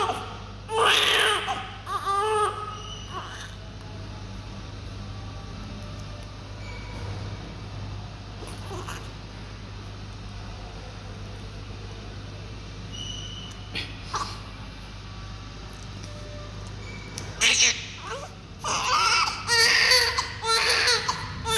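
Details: Brief, thin newborn cries with long quiet gaps over room hum: a weak, poorly sustained, inactive cry from a small baby given oxygen and other treatment for 3 days.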